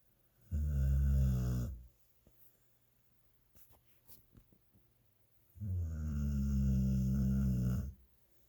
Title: This guy snores louder then me!!!